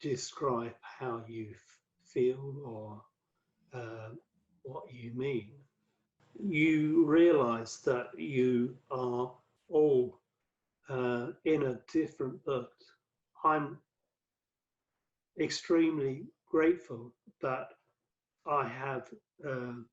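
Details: Adult male with aphasia after a massive 2013 stroke that left him paralysed and speechless for about three months before speech returned gradually; five strokes linked to cerebral amyloid angiopathy; fluency affected, worse when tired or stressed; aphasia.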